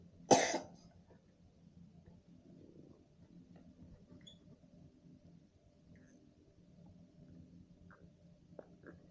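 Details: A single sharp cough, then quiet room noise, from a young boy who is sick with a cough; child's cough during illness.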